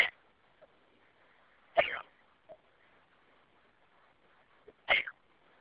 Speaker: I've got the hiccups.